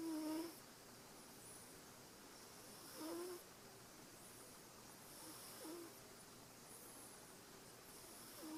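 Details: A sleeping cat's snoring recorded December 2012: faint, soft whistling snores with each breath, about 21 a minute, against a steady background hiss in a quiet room.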